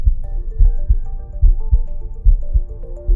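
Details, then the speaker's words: Stemoscope electronic stethoscope placed over the heart: steady paired lub-dub heart sounds at about 70 beats per minute, with soft music behind; normal heart sounds. "simply put the stemis cope over the heart you can hear the lub-dub heart sounds"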